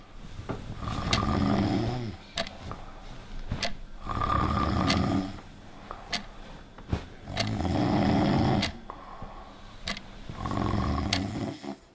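Deep, loud rumbling snores about 19 a minute, each a drawn-out rattle on the in-breath with sharp clicks between. Heavy snoring.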